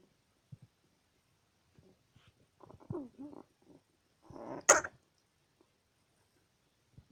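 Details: A cat makes a few soft wet gagging sounds, then one sharp, forceful hacking burst, coughing up hay to clear its throat; cat retching/hacking cough.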